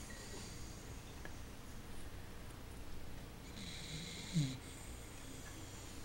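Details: Sleeping dachshund snoring loudly: soft, low rattling breath noise with a brief snort.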